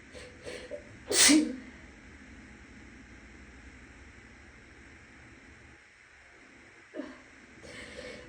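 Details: Woman who is still a little sick, sneezing in an echoing bathroom with a fan humming in the next room: one sharp, forceful sneeze followed by a quieter breath; an ordinary sneeze.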